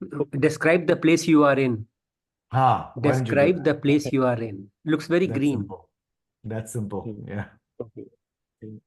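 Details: Adult speaker; typical speech.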